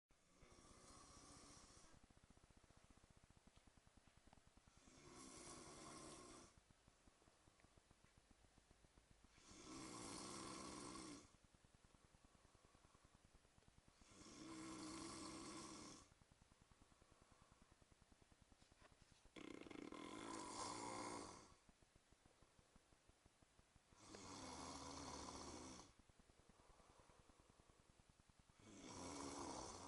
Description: Just got back from a holiday to spain yesterday, and finally worked out what that noise id been hearing every night was. It was my brother snoring hhaaahha!!!